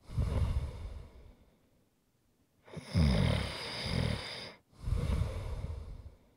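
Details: ASMR snoring recording: loud, rattling snores on the in-breath with a pause between, followed by a noisy out-breath; snoring.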